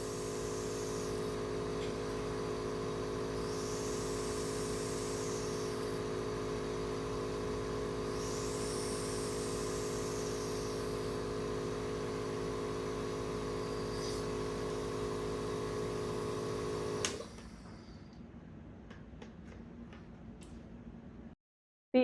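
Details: Steady mechanical hum and buzz of a compressor driving an AeroEclipse breath-actuated nebulizer in a seated person, faint hiss rising with each inhalation, stopping abruptly near the end; used to loosen mucus.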